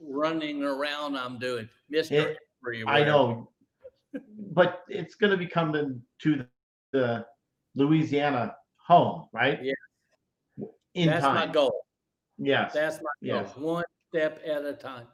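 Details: Adult stroke survivor about 9.5 years after stroke, living with post-stroke aphasia; aphasia.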